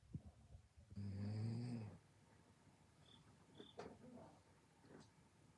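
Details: One loud, low, rattling snore lasting about a second, followed by quieter breathing noises: snoring in a person who also has a cough.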